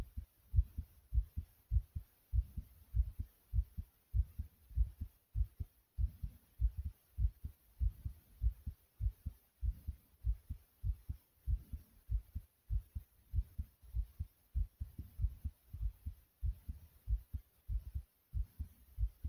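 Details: Strong, pounding heartbeat at about 98/min after jumping.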